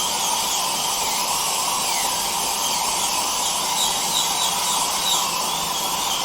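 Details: Dentist drill with suction: a steady high-pitched whine with hissing suction noise, from a sound-effects recording.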